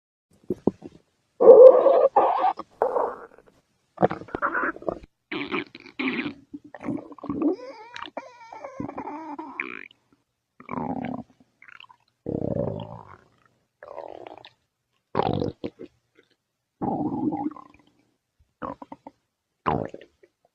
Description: Tummy Growling for 5 minutes